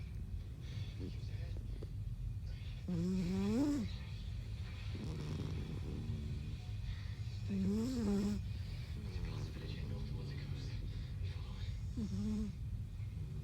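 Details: Cat sleeping, snoring with rhythmic rattling snores that rise to a whistly pitch on each breath, about every four to five seconds, over low background hum; snoring.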